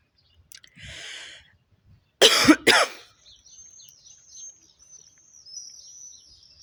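An inhaled breath, then two harsh, loud coughs in quick succession, with birdsong outdoors; smoker's cough.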